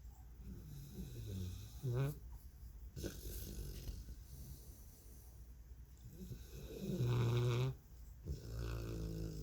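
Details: Snoring during a pre-bedtime nap after a rough day, with loud, rattling snores, throaty snorts and quieter breaths between them, possibly replayed from a film scene; snoring.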